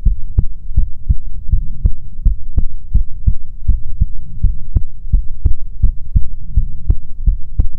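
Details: ASMR recording of soothing heartbeats: steady soft low thumps at about 86 a minute with a faint hum behind them; heartbeat at a normal rate.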